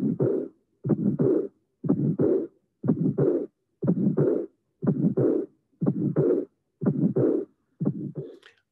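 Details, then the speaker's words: Breath held: pulmonic stenosis with pulmonic regurgitation, regular rhythm near 60/min. First sound, then an early pulmonic ejection click, a systolic ejection murmur, the second sound, and a soft diastolic murmur. "And this is an interesting case of pulmonic stenosis and pulmonic regurgitation in the same case."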